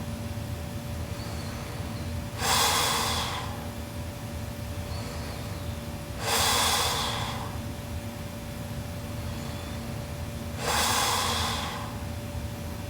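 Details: Sleeping Japanese girl, super loud snoring: three loud harsh snorting snores about every four seconds, roughly 15 breaths a minute, quiet pauses and steady room hum.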